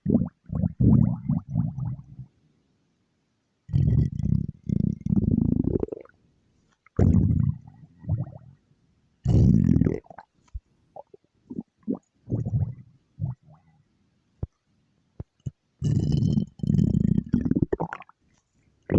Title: stomach growl